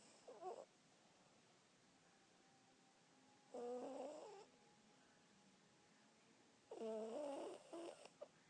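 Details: Loud snoring during sleep, hard to wake: three rattly, buzzing snores about three seconds apart, roughly 18 breaths a minute, with quiet pauses between.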